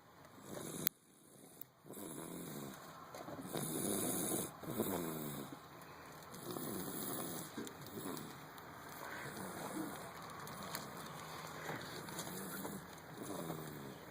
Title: Snores Like A Grown Man